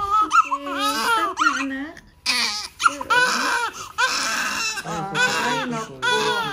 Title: Baby keeps on crying, July 5, 2022,